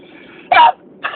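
A single sharp, explosive burst followed by the start of another, in a quiet room; a sneeze.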